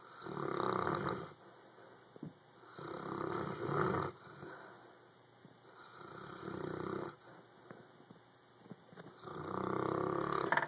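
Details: Dog Duke snoring while asleep and dreaming, twitching: four rough, rumbling snores, each over a second long, at about 20 a minute.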